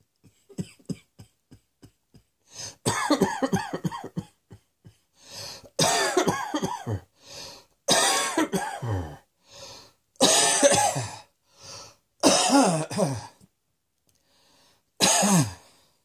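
Repeated harsh cough bursts in clusters, about a dozen coughs with short pauses between bouts.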